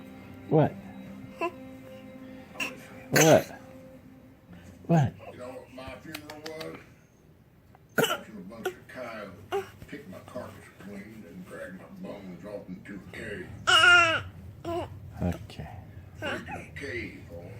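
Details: Infant girl faking a cough: several short, deliberate, playful imitated cough-like bursts rather than an illness cough.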